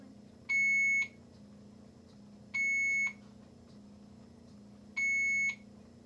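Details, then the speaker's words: Three steady, high electronic beeps about two seconds apart sound over low room hum in an ICU. This is an equipment alarm that is often just a reminder, such as an infusion having finished. "many of the alarms you hear are only reminders when the infusions finished it'll just kind of beep once and then it'll continuously beep until yo"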